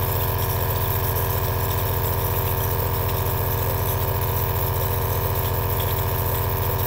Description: 2H of relaxing ASMR Aerosol nebulizer sound V2